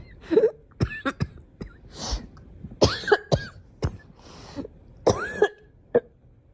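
Several short, sharp coughs mixed with throat clearing, some with a brief voiced catch; a child's cough.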